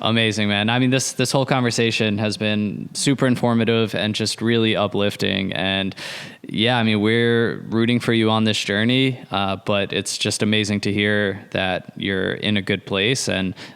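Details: Adult man speaking; Normal fluent speech.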